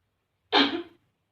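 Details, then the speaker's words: Voluntary cough during an effective-cough exercise by an adult woman with a persistent cough and hard-to-clear phlegm: after warm water, she breathes deeply and holds, then gives one short, forceful cough on command to expel secretions. "Tarik nafas, lalu dihembuskan, dihentakan untuk mengeluarkan sekret."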